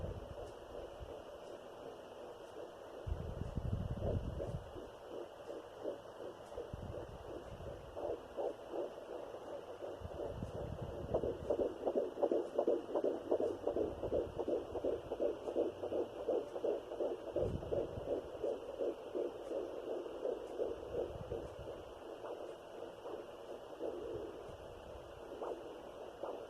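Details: Fetal heartbeat at 12 weeks of pregnancy on a Sonoline B fetal Doppler with 3 MHz probe: fast, regular galloping whoosh at about 165 beats a minute, with probe rumbles; third pregnancy after two miscarriages.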